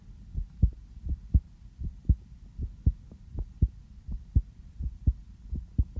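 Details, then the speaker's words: Normal heart sounds via a sensitive stethoscope on the speaker's own chest, just back from outside: steady regular lub-dub about 82/min, faint low rumble between beats, speaker remarks it is beating fast. "저도 제 심장 소리를 이렇게 크게 듣는 건 처음이네요. 왜 이렇게 빨리 뛰지? 여기 와서 잘 들린다. 원래 이렇게 빨리 뛰나요?"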